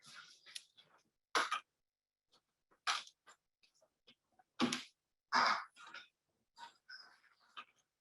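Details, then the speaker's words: Cat with about 6 weeks of severe upper respiratory stertor that began 2 weeks after anesthesia, heard while playing: irregular, rough snorting, moderate inspiratory stertor with bilaterally decreased nasal airflow and no nasal discharge; nasopharyngeal stenosis is suspected. "So we can hear the stutter that she's having. So most likely something associated with the nasal cavity."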